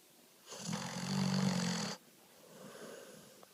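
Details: Pit bull dog rescued from the street two months earlier, snoring and talking in his sleep: one loud, rough, rattling snore on the in-breath, then a quieter breath out; snoring.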